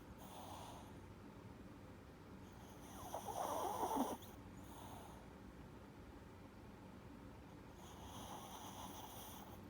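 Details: 4-year-old chihuahua with reverse sneezing, owners unsure if it causes his usual snoring, often sleeping on his back: soft whistling breaths with one louder, fluttering snort-like snore mid-clip during sleep.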